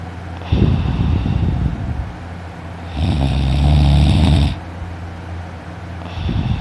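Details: Man snoring loudly while sleeping in the morning; his throat hurt afterwards: loud, deep, rattling snores on each breath in, with quieter breaths out between.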